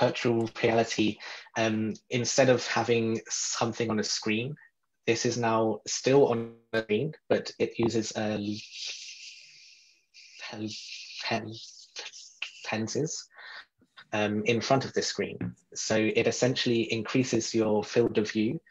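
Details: Real adult man who describes himself as a person who stutters, speaking in a podcast interview; stuttering.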